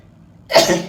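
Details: Person who can't stop sneezing, possibly female ("(F)"): a single sudden, explosive, breathy burst after a quiet lead-in; one sneeze.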